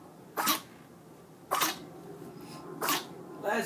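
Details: A 10-week-old puppy that had been sleeping for half an hour has a sneezing fit of four short, sharp, explosive sneezes, about one a second; the owner wonders about allergies.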